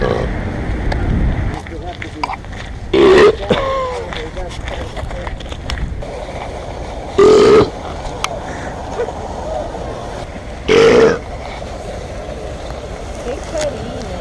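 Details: Three loud, drawn-out voiced belches about four seconds apart over outdoor street noise and traffic, recorded in Rome; burping.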